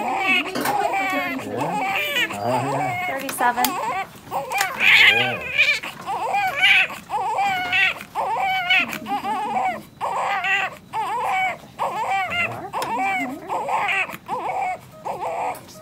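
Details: Newborn baby boy, born slightly early, crying just after birth with a little fluid still in his lungs; a "mid muscular ESD" on echo is mentioned: loud, repeated wailing cries with brief breaths between them.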